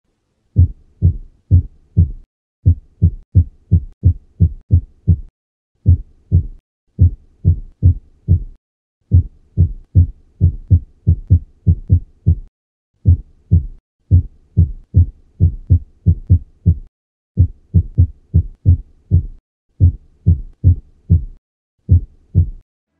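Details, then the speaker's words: Cardiac auscultation teaching example of arrhythmia: irregularly irregular heart sounds at moderate rate, rate controlled by medication, shown with ECG; atrial fibrillation with controlled rate. "Primeiro vamos escutar um ritmo com frequência cardíaca elevada agora vamos escutar um ritmo com frequência cardíaca controlada por uso de"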